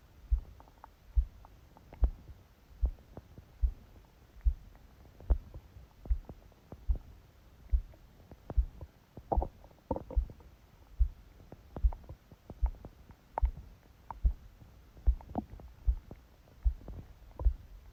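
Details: Regular soft heartbeat thumps with occasional stomach gurgling beneath, recorded by phone held on the abdomen under a book's pressure during sleep; bowel sounds with heartbeat.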